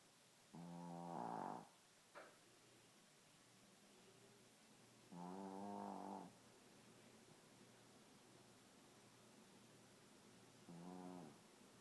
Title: Bunny the shitzu snoring